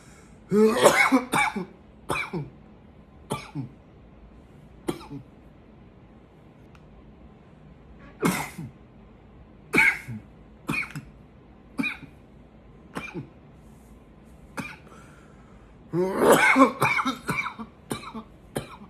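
Repeated forceful coughs in clusters with throat clearing and quiet pauses between bouts; an intense cough.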